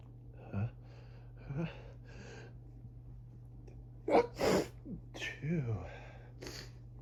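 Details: Allergic sneezing fit at about 6am during high grass-pollen season: a rapid run of about six sneezes that start soft and grow stronger and wetter, with gasping inhalations between.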